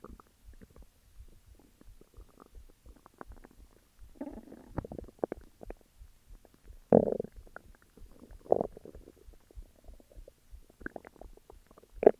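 Irregular low gurgles and rumbles with a few louder growls in a quiet room; ordinary stomach growling.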